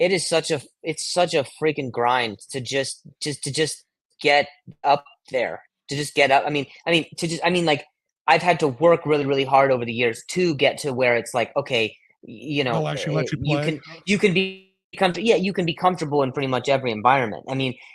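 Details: Adult male with acquired stuttering, onset at age 20 after a softball hit his throat, causing vocal contusion and traumatic brain injury; blips, repetitions and blocks in conversation; stuttering.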